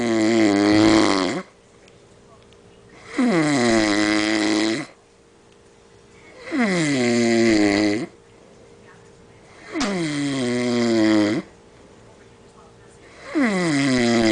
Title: who's snoring